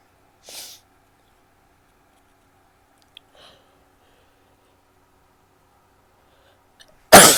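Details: Sneezing, some coughing and nose blowing: a mostly quiet room with a few small sniffs and rustles, then a sudden loud explosive sneeze at the end, cut off.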